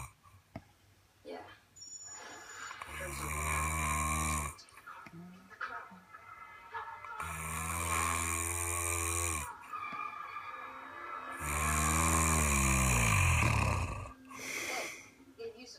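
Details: Heavy snoring: three loud, rattling, drawn-out inhaled snores of about two seconds each, with quiet pauses between them.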